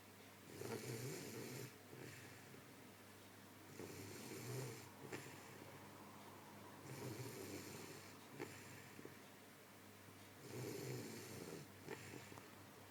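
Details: A female asleep on a radiator snores with regular rasping snores on each breath, about four in 13 seconds, roughly 18 breaths a minute, with quieter breathing out between.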